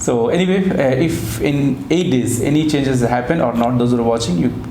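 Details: Adult male speaker; Normal speech.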